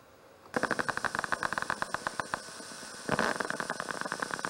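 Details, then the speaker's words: Needle EMG: needle insertion sets off a prolonged burst of crackling, rapid popping discharges with positive sharp waves and longer duration of firing; abnormal increased insertional activity. "That's a needle insertion right there. You see, notice that? Not only that, what you're seeing are positive sharp waves."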